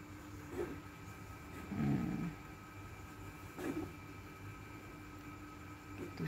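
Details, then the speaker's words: A few short, low, husky coughing bursts from the speaker's cat, heard faintly over a steady room hum: cat cough. "suara saya, kucing saya batuk, kesian."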